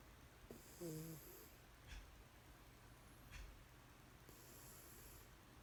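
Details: Cat sleeping on a blanket, with soft airy breaths and a faint nasal snort, two breaths several seconds apart over quiet room hiss: snoring.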